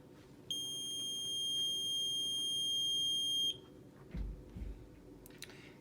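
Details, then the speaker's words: BiPAP machine start-up alarm: a steady high-pitched electronic tone of about three seconds as the machine is switched on and warms up during a practice setup, then faint handling sounds. "so when you're ready to start this machine up what you're gonna do is take your standby you want to make sure it is plugged into your outlet and you're gonna turn it on and it's gonna warm off"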